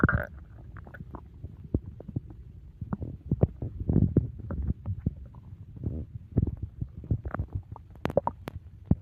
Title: Stomach Growling After a Big Meal 🍕 | Loud Digestion Sounds